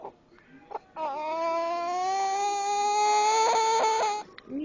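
A single long, steady, high-pitched wail lasting about three seconds, with brief quieter sounds around it; an infant crying.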